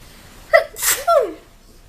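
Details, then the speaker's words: Single loud sneeze from a self-described loud sneezer: sharp intake of breath, explosive burst, trailing voiced sound. "Oh, sorry. I'm a loud sneezer."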